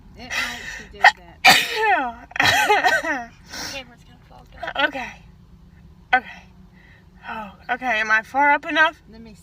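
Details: Girls taking a Covid-19 nasal swab test sneeze uncontrollably: a run of loud, sudden sneezes with high-pitched gasps and squeals in between, repeated sneezing set off by nasal swabbing.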